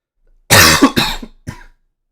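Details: A harsh cough followed by two rough throat-clearing sounds, loud and close to the microphone.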